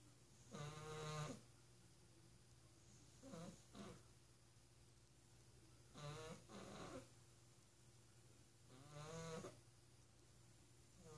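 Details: Pet described as an office assistant snoring up a storm: soft, fluttering snores in irregular bursts, roughly 22 a minute, over steady room hum; snoring.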